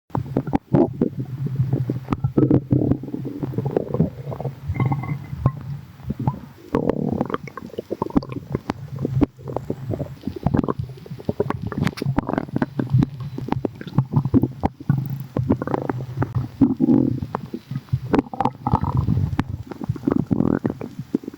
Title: bubbles🫧🫧 | stomach rumbling